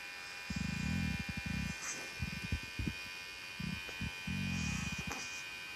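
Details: Portable nebulizer with Ventolin used for cough and cold: steady buzzing motor hum running in bursts, with steady mains hum and faint room sounds behind it.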